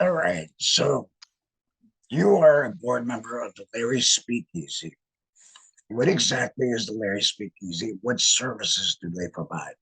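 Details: Tracheoesophageal (alaryngeal) speech from a male laryngectomee after laryngectomy.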